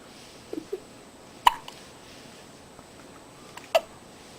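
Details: Hiccups in a child who is getting sleepy: two short, sharp hiccups about two seconds apart in a quiet room, with faint softer sounds before them, then a smile at the end.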